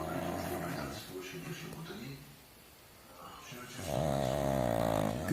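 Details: Snorting, buzzy snores from a small pug in a room: noisy snoring typical of a short-nosed breed.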